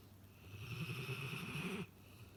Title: Dog snoring